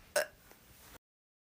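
A single short, abrupt throat sound like a hiccup, then quiet room noise.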